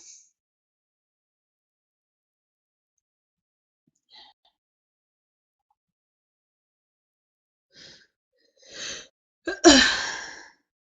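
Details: Woman sneezing: quiet catching breaths lead into one sharp, forceful sneeze.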